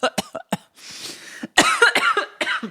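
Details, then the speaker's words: Adult coughing after inhaling cannabis smoke, worse on the second inhale; cough. "I thought you said it wouldn't make you cough. Not as bad. Oh, you would be worse than that. Interesting. Oh, gosh. It's the second inhale that makes you cough."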